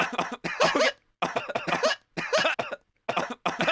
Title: coughing for 64 seconds